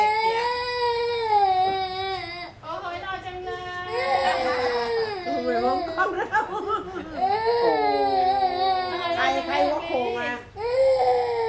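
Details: Baby crying, recorded December 19, 2008: loud, sustained infant crying with rising and falling wails and whimpering breaks between cries.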